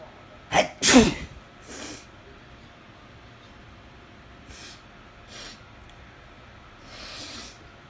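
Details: Adult sneezing in bed, perhaps from the weather changing and with the nose still tickling, gives one forceful sneeze with a sharp lead-in breath, then quieter sniffs.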